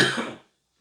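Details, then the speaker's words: One strong, sharp voluntary cough that fades quickly, made on demand without urge by a respiratory physiotherapist demonstrating cough assessment; shows adequate breathing muscle strength. "agora por exemplo eu não tô com vontade de tossir agora mas eu consigo tossir"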